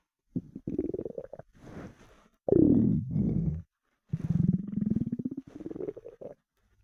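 Long gurgling, creaking rumbles with rising and falling pitch; loud hunger rumbling of an empty stomach, a normal bowel sound.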